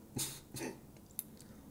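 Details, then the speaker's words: Adult who has been ill for a while, a never-smoker, coughing: two quick, harsh, deep coughs likened to a heavy smoker's cough, in a quiet room. "Putain, quand je tousse, on dirait un mec qui fume des paquets de clopes depuis des années. J'ai jamais fumé de ma vie."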